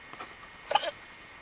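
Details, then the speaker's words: A young woman with hiccups on coming home after having her wisdom teeth taken out, with a numb tongue: a single short, abrupt throat sound with a quick catch of breath in a quiet room. "Hiccups are bad, aren't they? No fun."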